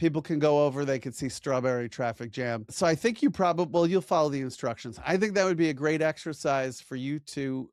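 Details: Adult male speaker; ordinary speech.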